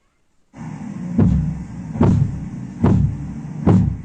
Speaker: ahora vamos a hablar solo de la fase 3 se escucha un ruido más sordo más suave no este ruido tampoco tiene importancia clínica